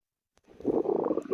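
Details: Ordinary stomach growling (borborygmi): a brief bubbling, gurgling rumble lasting under a second.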